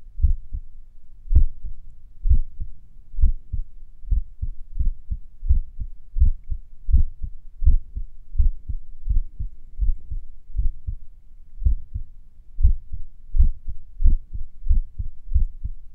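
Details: Own heartbeat a few minutes after finishing morning exercises: about 85 a minute with pauses that lengthen and shorten irregularly; sinus arrhythmia during recovery.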